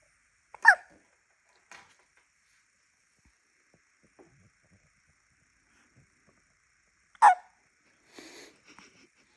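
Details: Sleepy baby boy with two brief, sharp hiccup bursts about six seconds apart in a quiet room, faint soft sounds between; infant hiccups.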